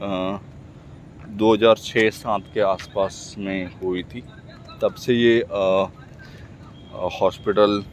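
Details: Stuttering in an adult male Hindi speaker practising speaking, with word repetitions.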